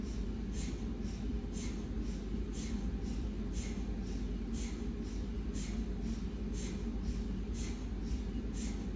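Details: Siemens MAGNETOM Lumina 3 T MRI running an abdomen T1 VIBE Dixon sequence: steady rapid rhythmic gradient knocking over a constant low hum, MRI scanner noise.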